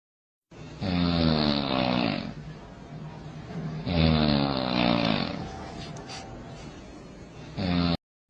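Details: Snoring.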